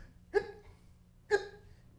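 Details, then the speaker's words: Person in a staged street comedy sketch being given silly hiccup cures: two abrupt voiced gulps about a second apart; hiccups. "you come here you tell me that you have a cure for hiccups and you make me do all this ridiculous stuff i'm on the street people see me and you're making a fool out of me and you're not doing anything to get rid of my damn hiccups"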